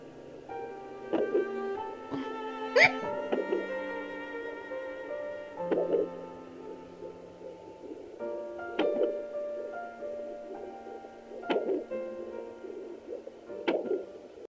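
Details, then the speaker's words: Fetal hiccups at 31 weeks of pregnancy, baby girl, heard on Doppler: sharp rhythmic jolts every two to three seconds alongside her heartbeat, over background music; she gets hiccups about twice a day. "So now let's see if we can hear them. That's a hiccup. That's her heartbeat. That's a big old hiccup."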